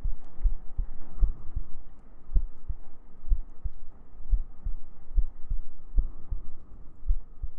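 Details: ASMR sleep-aid heartbeat: steady, soft paired low thumps around 75 beats a minute with faint humming underneath; a normal heartbeat.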